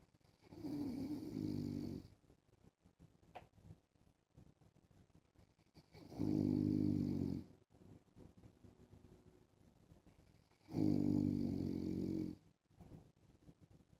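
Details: Husband snoring in sleep while wearing a mask: three long, loud snores about every 5 seconds, roughly 13 breaths a minute, with quiet breathing and faint room noise between.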